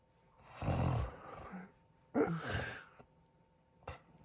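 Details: Deep, rough, rumbling snores on breathing in, two loud ones then a short snort, in a quiet room; husband snoring during sleep, described as snoring and stopping breathing.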